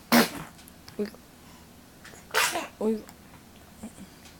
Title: Yawns & Sneezes